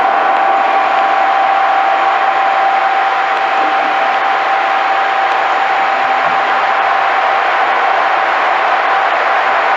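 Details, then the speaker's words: Microelectrode recording during deep brain stimulation surgery for movement disorders, pallidal trajectory: steady loud waterfall-like rushing hiss with a faint tone, amplitude rising on entering the optic tract while a flashlight shines into the patient's eyes. "I think the characteristics are kind of a waterfall and if you listen to it you'll hear when it gets through about here an increase in the uh overall amplitude of the activity and that's the entrance into the optic track with a flashlight faced into the patient's eyes"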